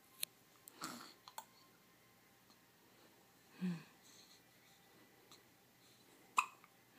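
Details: Newborn baby on her first day at home: soft, abrupt, irregular hiccups about 20 a minute in a quiet room; infant hiccups.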